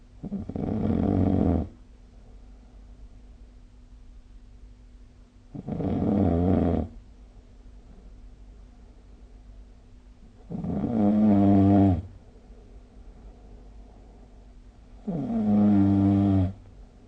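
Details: Four loud, rumbling snores at regular intervals, about 13 a minute, each on an inhalation, with quiet room hum between, recorded during sleep with the SnoreLab smartphone app: snoring.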